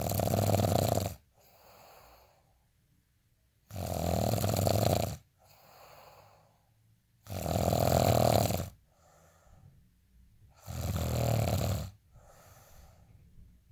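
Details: Sleep snoring: loud, regular, harsh rumbling breaths in alternating with quieter breaths out, about 18 breaths a minute.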